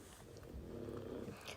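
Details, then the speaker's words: Loud snoring from a female French Bulldog puppy, heard in the background. "If you can hear snoring, that's my French Bulldog puppy, and she is loud, so I do apologise."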